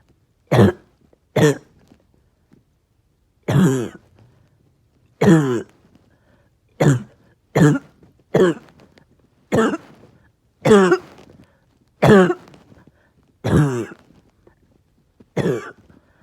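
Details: Person with a bad cough all day that won't shift, tired, with chest pain: twelve single harsh coughs in a quiet room, each brief, separated by pauses of about a second or two.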